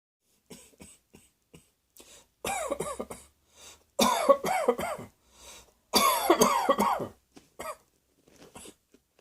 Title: Cross Dressing Coughing 77